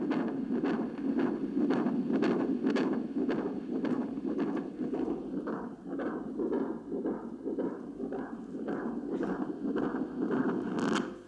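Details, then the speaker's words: Fetal heart monitor (ultrasound Doppler transducer) used on an adult's own heart: rhythmic whooshing pulses of a normal heartbeat ending in a sharp whiplash-like sound of blood flowing in the aorta; Doppler heart and aortic flow signal. "Now let's listen to my heart again in a moment, and I want you to pay particular attention to a sort of whiplash kind of sound at the end, which is the sound of the blood flowing in my aorta."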